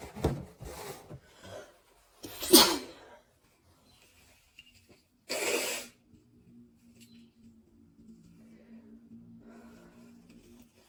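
Three sharp, forceful sneeze bursts with breathy lead-ins, then quiet room hum; repeated sneezing with a cold.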